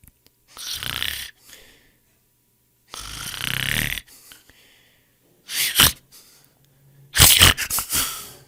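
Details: Snoring, sound-effect recording: several harsh, snorting snores and sputtering breaths out, uneven timing with silent gaps.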